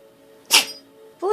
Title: Sneezing cat